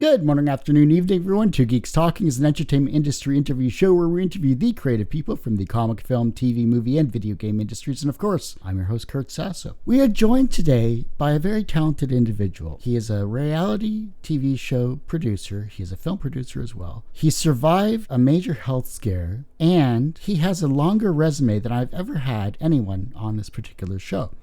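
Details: Adult male speaker; normal speech.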